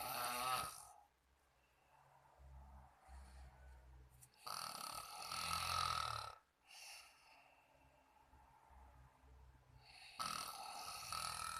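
Loud, rough snoring bursts on breathing in, with quieter breathing between them; typical snoring.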